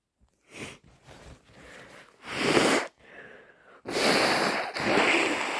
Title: Forceful, wet cold sneezes plus snotty blows